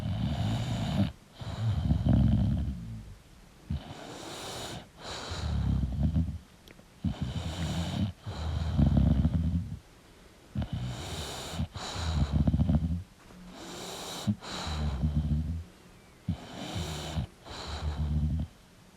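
Rough, rattling snores on both breathing in and out, about 15 breaths a minute, from a sleeping dog; noisy upper-airway breathing.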